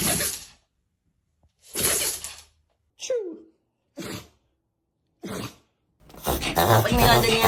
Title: Dogs sneezing like crazy.#dog #funny #funnyanimals #youtube